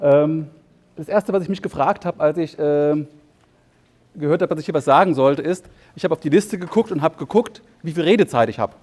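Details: Adult male psychologist and psychotherapist giving a German conference talk; he has stuttered for as long as he can remember, less severely after therapy; mostly mild blocks, sometimes large blocks. Stuttering.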